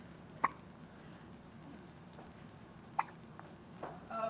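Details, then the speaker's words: Hiccups in a baby, repeated hiccup sounds; he also hiccuped often in the womb. "you got some hiccups? You hiccuping? Hiccups. Oh, hiccups."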